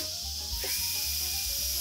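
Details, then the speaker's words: Steady high-pitched whine and hiss of a dental drill with a depth-limiting laminate bur trimming about 0.5 mm from a protruding area of a model tooth for veneer preparation: dental drill. "삭제하고 나면 이 부분이 이제 갈리게 되고요. 또 반대편에서도 또 삭제를 합니다."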